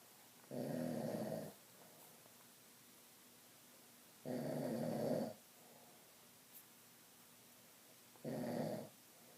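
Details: Sleeping dog snoring: three long, rough, rattling snores about four seconds apart, with quiet pauses between them.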